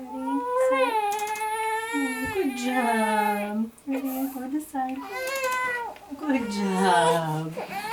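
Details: Repeated strong, clear-voiced wailing bursts with adult voices and room noise, from a constipated premature triplet girl (3 weeks corrected age) during a KST chiropractic adjustment; ordinary infant cry.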